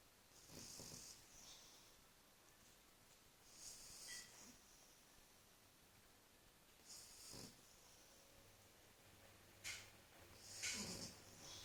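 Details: Sleeping French Bulldog snoring: hissing, snorting snores at about 18 breaths a minute in a quiet room.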